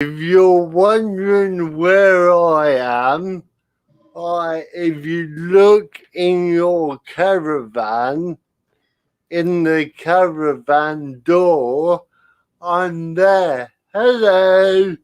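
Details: Adult man with spastic cerebral palsy caused by lack of oxygen at birth, affecting limb control and speech; dysarthria in spastic cerebral palsy.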